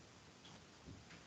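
A faint low tap, then one brief, dry, soft thud that stops at once without ringing: a dull percussion note over the thigh.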